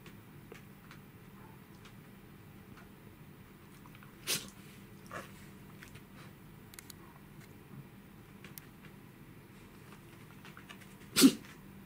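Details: Welsh Corgi Pembroke puppy sneezing in a quiet room: a few soft huffs, then one sharp, loud sneeze near the end.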